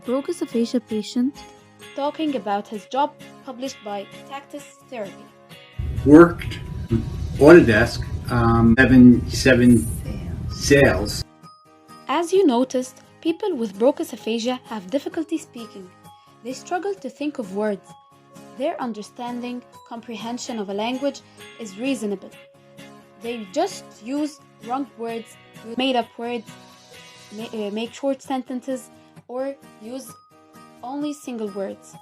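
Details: Adult narrator with background music, briefly interrupted by another speaker; normal speech.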